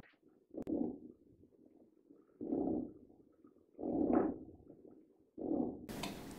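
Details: EMG needle recording of simple myokymic discharges: short crunchy bursts of grouped discharges from a single motor unit recurring periodically at a steady rhythm, with a characteristic marching-in-snow sound.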